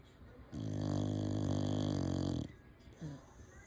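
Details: Rescue dog snoring: a long, loud, low rattling snore lasting about two seconds, then a softer, shorter breath sound.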